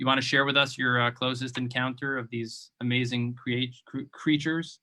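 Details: Adult male speaker; ordinary speech.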